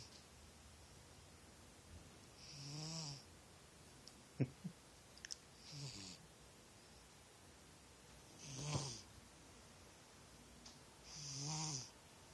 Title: Snoring kitty